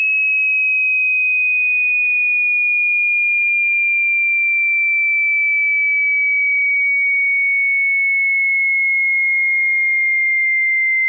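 A pure, steady whistle-like tone sliding slowly downward in pitch, a hearing test sweep from high to lower pitch.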